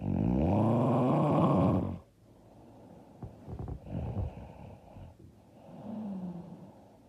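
A loud, rough, rattling snore on one breath, then quieter noisy breaths and a softer snore; heavy snoring during sleep.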